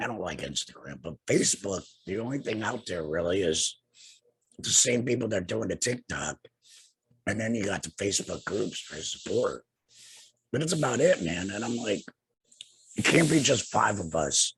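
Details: Adult man two years after laryngectomy for cancer, also treated with radiation and chemotherapy; no larynx, breathes through a neck stoma, speaks via tracheoesophageal puncture voice prosthesis with an HME: tracheoesophageal speech.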